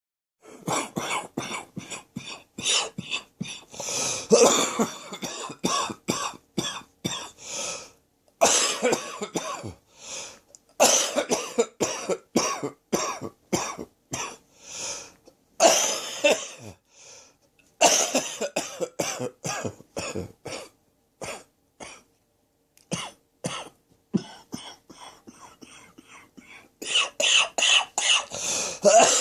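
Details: Prolonged fit of harsh, rapid, repeated coughs from an adult with a throat infection; the fit left them very light-headed and feeling close to passing out by the end. Harsh cough.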